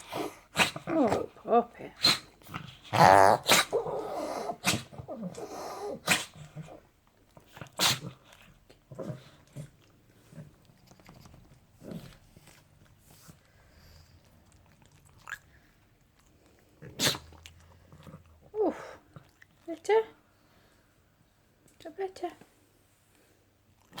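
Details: Small female dog, before anabolic steroid treatment, makes rapid, repeated snorting inhalations in bursts: reverse sneezing.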